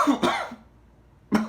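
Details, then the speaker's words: Two harsh, dry hacking cough bursts close together, then a third, with no mucus rattle, from a person diagnosed with COVID, about day 5 of isolation, with no fever, headache, worsening cough and breathing still fine; dry cough. "coughing has gotten really bad no fever but it's like every like i'm just permanently coughing now just a really gross hacking dry cough and i also have a headache"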